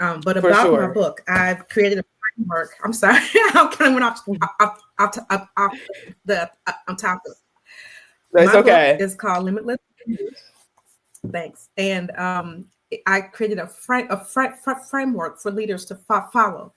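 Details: Stuttering in an adult Black woman who describes herself as a person who stutters; conversational interview speech with word repetitions.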